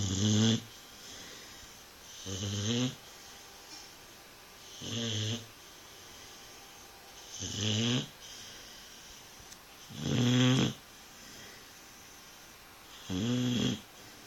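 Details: Nine-month-old Dogue de Bordeaux snoring while asleep: loud, rattling snores about every 2.5 seconds, roughly 22 breaths a minute, with quiet pauses between them.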